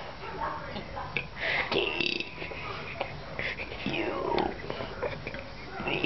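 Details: Girl deliberately burping the alphabet for fun, a run of voiced belches shaped into spoken letters with some room noise; burping.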